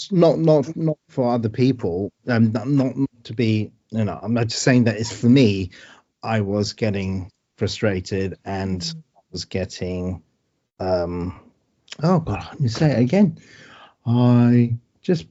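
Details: Man with post-stroke aphasia: word-finding difficulty, trouble saying numbers, post-stroke tiredness, needs time to speak.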